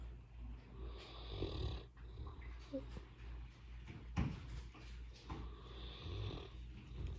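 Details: Loud snoring from a sleeping English Mastiff dog: low rumbling snores, roughly 20 a minute, with a quiet room behind.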